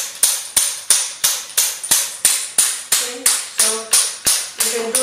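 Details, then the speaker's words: SW7 shock wave therapy machine demonstration, elbow setting selected, handpiece on a cleaned, gel-covered area: regular sharp snapping pulses, about three per second, each fading quickly, from the handpiece firing. "Okay, then take the handle and choose the elbow and frequency and turn on. And press this button when you do the treatment."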